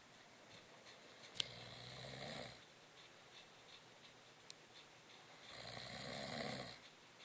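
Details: Two loud, rasping snores on breathing in, a few seconds apart, in a quiet room; ordinary snoring.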